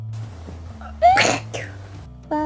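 A single sharp sneeze from an adult with a rising vocal squeak, followed by a short exhaled sound.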